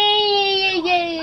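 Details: Brief, high-pitched, drawn-out wail from a young child on day 6 in hospital after surgery, with bowels slowed by morphine; off morphine and tube removed today; child crying.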